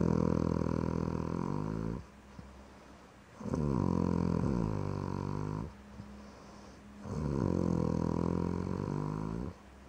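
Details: Loud, rumbling snores on each in-breath, about three breaths in ten seconds, with quieter wheezy out-breaths between, from a pet sleeping passed out; snoring.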